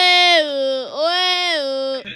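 Two loud, sustained, high-pitched wails with a brief catch between them: an infant crying.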